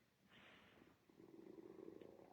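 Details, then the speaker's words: Adult's stomach growling (borborygmi), heard while they are making a craft; they say they had only a small breakfast and need more food. "Oh, my tummyy's growling. Did you hear that? Guess I I need some brekie or I didn't have enough."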